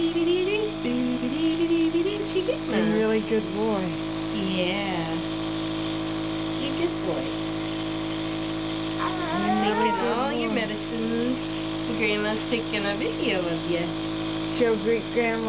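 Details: Nebulizer breathing treatment for a 5-month-old boy with bronchiolitis and suspected wheezing (possible reactive airway disease): steady motor hum of the running compressor, with a sing-song adult voice and infant sounds over it.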